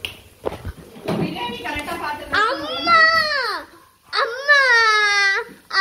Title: Wah wah baby crying 👶